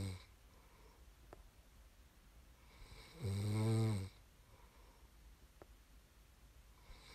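A single deep, rumbling snore on a breath in, with quiet room noise around it: snoring during sleep.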